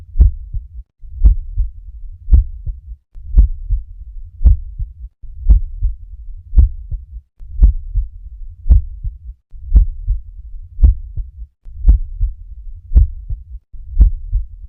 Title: NORMAL HEART SOUND - APEX | HEART SOUNDS | AUSCULTATION